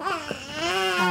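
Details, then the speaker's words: Newborn crying during a postpartum care centre demonstration of soothing by recreating womb-like conditions such as gentle wrapping: shrill, wavering cry with rising pitch, ordinary crying of a healthy newborn. "그런지 우는 아이들을 달래 주기 위해서는 뱃속에 있는 환경 처럼 만들어 주자는 거구요"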